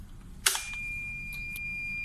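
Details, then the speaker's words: TOP 2300 infusion pump, pump door accidentally opened during infusion: a click, then a steady high-pitched continuous door-open alarm tone, with the door indicator light on. "show you if there's a let's say during the infusion uh the door is accidentally open"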